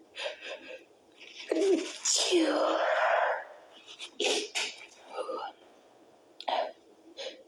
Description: i tried to stifle it , but some of them were to strong.